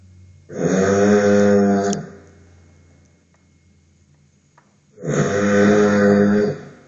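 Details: Snoring while sleeping, recorded with a sleep-monitoring app: two loud, drawn-out rattling inhaled snores, about a second and a half each, separated by a quiet pause; heavy snoring.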